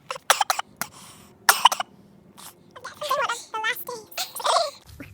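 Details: A fit of several sharp, harsh coughs from a sick adult, then throat clearing and brief voiced sounds; cough during illness.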